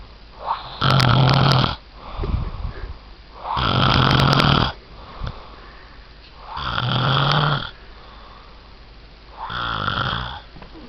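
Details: Adult man (fiancé) snoring; loud, deep, rumbling snores on each breath in with softer exhalations between, about four breaths in eleven seconds; heavy snoring.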